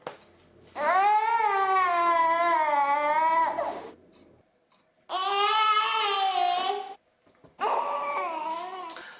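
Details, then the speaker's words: Hungry infant cry in long, loud, wailing bursts with strong pitch and pauses for breath, at its limit after not being comforted; Dunstan baby language example (said to be heard from birth to 5–6 months). "et lorsqu'il n'en peux vraiment plus que vraiment faim voilà il a atteint ses limites que voilà vous n'êtes pas venu à tout de suite le réconforter en quoi il n'en peut plus donc là ça va être plus un mot"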